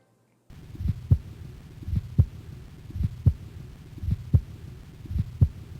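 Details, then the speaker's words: Aortic stenosis heard at the second right intercostal space: slow regular heartbeat with a systolic crescendo-decrescendo whooshing murmur peaking mid-systole between the first and second heart sounds. "crescendo decrescendo murmur so it's systolic which means that it's between the first and second heart sounds"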